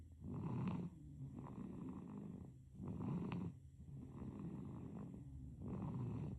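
Soft, rattly snoring on each breath in and out, about 20 breaths a minute, from a sleeping infant.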